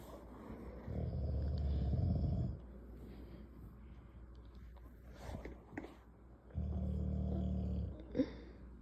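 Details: Dog snoring heavily while sleeping: two long, loud, rattling snores separated by quiet breathing and small sounds.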